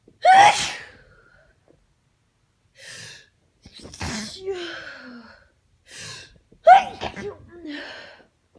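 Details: Two sharp sneezes, each a loud burst with breathy follow-through, separated by quiet breaths and a soft sniff; tired allergy sneezing despite taking antihistamines, during the sneezer's worst allergy flare in a long time.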